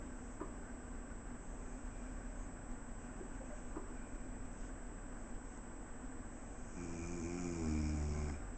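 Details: Older adult man, asleep while grandson did homework, who denies snoring: quiet low rumbling breathing in a small room, building to a louder rough snore near the end.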